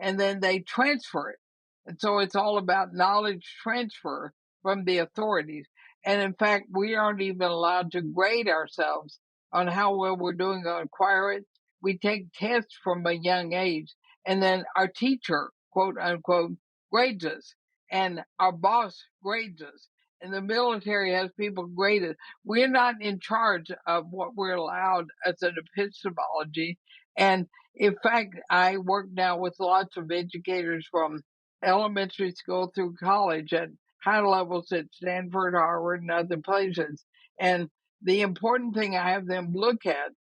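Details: Dysarthria in a woman of about 80 with ALS (Lou Gehrig's disease); she says her speech already shows quite a bit of trouble but she thinks she remains intelligible.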